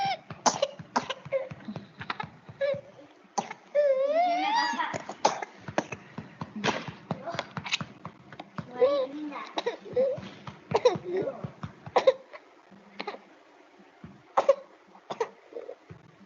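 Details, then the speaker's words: Child with pertussis-associated paroxysmal ("quintosa") cough: repeated bursts of short coughs in runs with a high drawn-in sound between them; seems full of secretions yet expels only scant, sticky mucus. "no logran ver que a pesar de que el niño pareciera que está lleno de secreciones e incluso no logra sacar tanta este saliva y son todos que son como repetitivas de acuerdo elimina escasa mucosidad"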